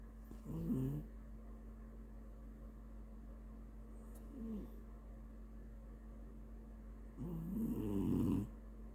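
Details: Awake cat snoring: three bursts of low, rough snoring noises, a stertor sound.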